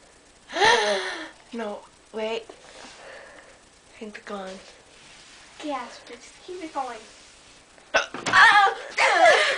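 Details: Repeated hiccups, described as horrible: short, sudden, voiced catches about every second, amid laughter and talk, recurring after saying they seemed gone.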